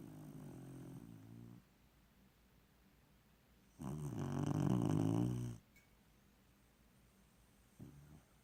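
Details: A sleeping dog with deep rattling snores in long bursts separated by quiet pauses: snoring.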